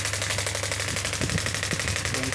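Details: Biotronix pneumatic radial extracorporeal shockwave therapy (ESWT) device, 0.5–10 bar, probe firing as rapid, regular sharp clicking pulses while the frequency is adjusted, with faint talk in the background.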